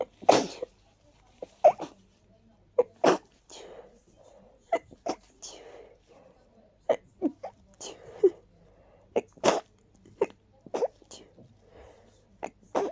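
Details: Person with a stuffy head cold sneezing into tissues: a run of short, muffled, stifled sneezes and sniffs at irregular intervals.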